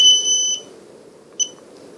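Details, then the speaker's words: A shrill half-second electronic tone, then a brief second chirp: an infusion pump alarm, shown by a gastroparesis patient, sounding because no cassette is loaded. "then it'll start beeping continuously and it's a very annoying beep that you guys just heard"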